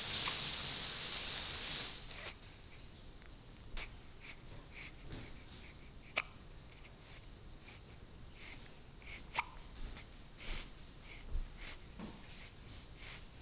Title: with hiccups